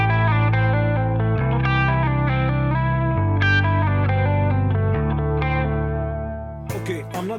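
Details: Guitar music sounding dull and flat with little treble, simulating how a singer-producer hears a song mix with stress-induced sudden sensorineural hearing loss (SSHL) in the left ear.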